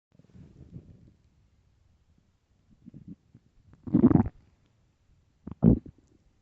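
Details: Extremely loud morning stomach growls: low gurgling rumbles spread over a few seconds in a quiet room; ordinary borborygmi.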